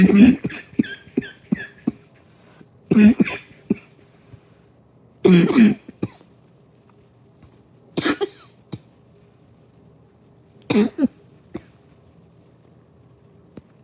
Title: Another harsh wheezing bugging cough ￼